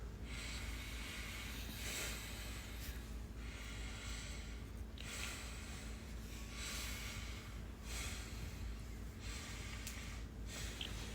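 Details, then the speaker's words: Adult patient standing, back turned, stethoscope on back during a nurse's physical assessment; about six slow deep breaths in roughly 11 seconds, soft rushing airflow with low room hum; lungs clear bilaterally. "I want you to stand up, turn around, and I'm going to listen to your lungs. Deep breath."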